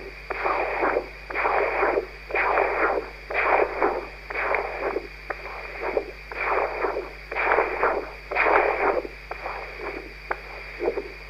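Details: Human heart auscultated with a new Doppler stethoscope: regular whooshing flow pulses about 60 a minute over steady hiss; Doppler heart sounds.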